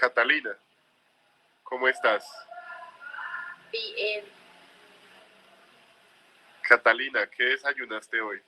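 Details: Adult male interviewer speaking Spanish; normal speech.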